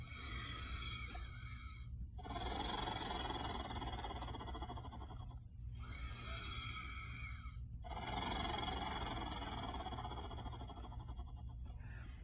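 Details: Instructor demonstrating Portex Acapella flutter valve (vibratory positive expiratory pressure therapy): long buzzing, fluttering exhalations through the device separated by brief inhalations, meant to vibrate the chest and trigger cough.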